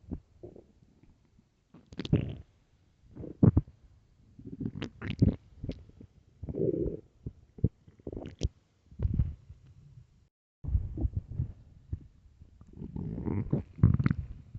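Irregular low gurgles, rumbles and squeaks over several seconds: hunger-related stomach growling, a normal bowel sound.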